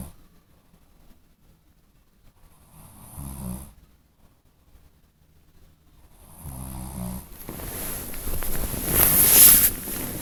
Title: Snoring while sleep - wakes up